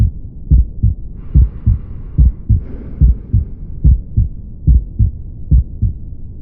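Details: Heart auscultation: regular paired lub-dub heart sounds at about 72 beats per minute, a normal rhythm. Normal heart sounds.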